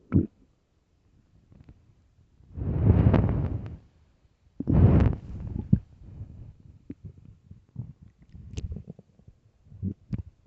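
Loud low rumbling gurgles in two long waves, then shorter bubbling pops: stomach growling from an empty, hungry stomach, normal.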